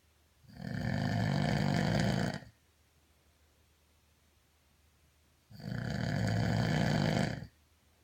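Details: Person snoring during sleep: two long, loud, low, rattling snores about five seconds apart, with quiet between; ordinary heavy snoring.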